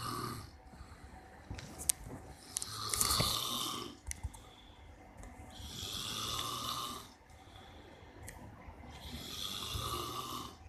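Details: Adult man (a father) snoring: loud, rough snores on each breath, about three in ten seconds, quieter breathing between, faint room noise.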